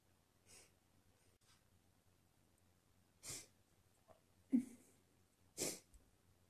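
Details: Person deliberately sneezing on request, trying to sneeze "girlier", sneezes messy and wet: about four short, soft, produced sneezes with quiet pauses between them.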